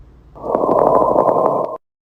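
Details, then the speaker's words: Pleural friction rub heard by stethoscope: coarse, creaking, leathery grating noise with every breath in and out, from inflamed pleura. "last plural friction rob keyword here is leathery sounding and this will be heard with every breath in and out let's listen"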